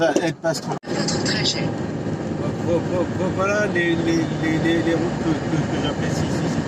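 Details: Adult French-speaking male vlogger who stutters; he says his stuttering worsens when recalling a stressful period around 2004. Finding: stuttering.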